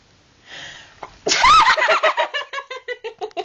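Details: A sharp inhaled build-up, then one loud explosive sneeze, followed by a run of short laughs; sneeze.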